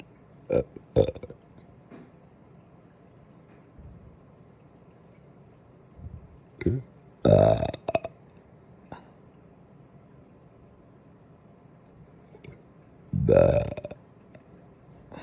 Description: Some big burps led to some big hiccups after breakfast today!